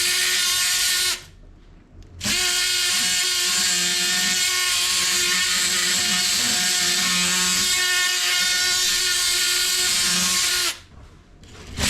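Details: Oscillating bone saw cutting bone during graft harvest (STG, BPTB and QTB grafts demonstrated), a Langenbeck retractor holding tissue, before the graft is tapped loose: loud steady high-pitched buzzing in two bursts with a brief pause.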